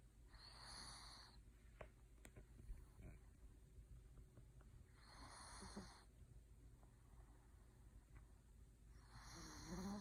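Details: Three soft, regular snoring breaths about four to five seconds apart over a quiet room hum; ordinary snoring.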